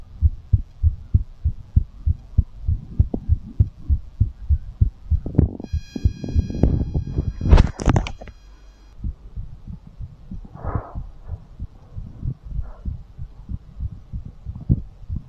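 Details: Fast heartbeat after exercise, recorded for ASMR: rapid regular thumping about 100 beats a minute, with a burst of rubbing noise midway.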